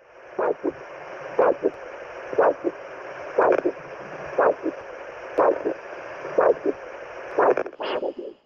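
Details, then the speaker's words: Regular whooshing Doppler ultrasound pulse at about 60 a minute, each beat with two parts, heard over a foot artery; a biphasic arterial signal, considered normal. "by phasic pulse you'll hear two beats per pulse this is considered normal"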